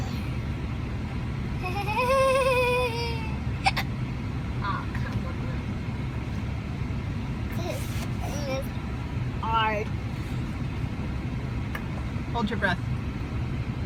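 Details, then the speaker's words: Child in a car with hiccups: several sudden, brief voiced gulps at irregular intervals against steady car rumble, with a longer whining vocal sound early on. "those hiccups going? Bad. What? Bad. I know it's crazy. Can you scare yourself to make them go away?"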